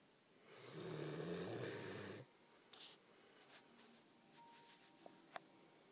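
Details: Snoring heard on waking in the morning: one drawn-out, rattling snore lasting about a second and a half, then quiet room noise.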